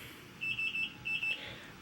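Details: IV pump alarm after a third C-section at 37 weeks, IV in the arm beeping when the arm bends though fluids keep flowing: five quick high-pitched beeps.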